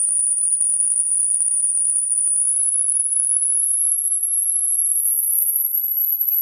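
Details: Hearing test tone sweep: a steady, very high-pitched pure tone slowly rising in pitch.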